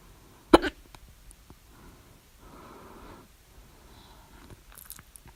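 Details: Hiccups at 3:04 A.M. after overeating at dinner the previous day, recorded with mouth alternately closed and open (very loud ones with mouth open): one sharp, abrupt gulping hiccup, then quiet breathing and faint room noise.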